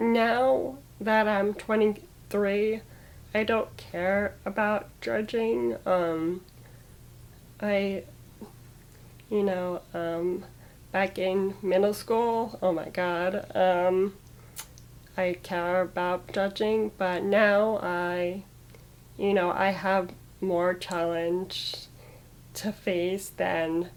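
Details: Woman with muscular dystrophy who had a stroke at age 22 (December 2016), with left-brain damage and right-sided paralysis, initially losing speech; word choice is hardest; aphasia after stroke.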